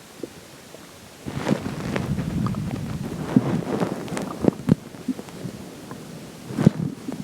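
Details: Rumbling and scattered sharp gurgles and pops from the stomach after drinking water: stomach growling (borborygmi) with some odd-sounding gurgles.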